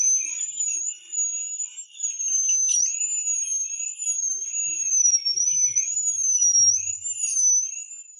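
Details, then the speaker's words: Dental drill (high-pitched whine, pitch wavering as it cuts) used without anesthetic to remove shallow decay from a cavity between the two front teeth, before a resin filling; decay not deep, no pulp injury. "Not even the anesthetic Directly on the drill bit Remove the auxiliary characters first"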